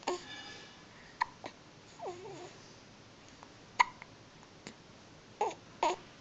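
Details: Newborn only a few days old, still in hospital, with hiccups: several brief, sharp hiccups at irregular intervals, with faint soft vocal sounds between.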